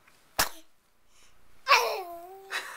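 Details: Sneezing montage: sudden explosive sneeze bursts, one with a short voiced tail, in a quiet room.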